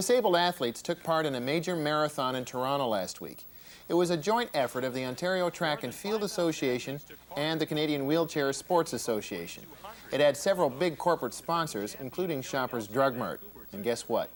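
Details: Adult male narrator; normal speech.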